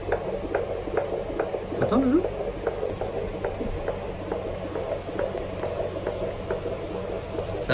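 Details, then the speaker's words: Fetal heartbeat heard on Doppler during a home prenatal check, with the mother's blood pressure 110/80: fetal heartbeat. "So like we said before, the baby is like this right now, so we should have a heartbeat easily."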